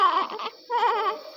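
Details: Newborn in NICU warmer with respiratory distress: expiratory grunting; breathing rate not improving, baby admitted.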